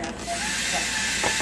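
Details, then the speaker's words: Dental polisher on an anesthetized dog or cat during a veterinary dental cleaning: steady high-pitched motor whine while polishing teeth after ultrasonic scaling. "we're gonna do is I'm going to polish this side so we'll go ahead and get some polish on"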